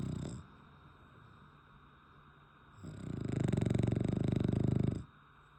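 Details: A sleeping French Bulldog snoring: quiet pause, then a low, rapidly fluttering rumble on the breath lasting about two seconds.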